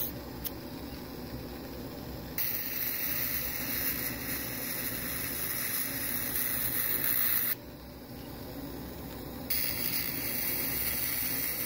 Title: Peerless Surgical Diathermy Machine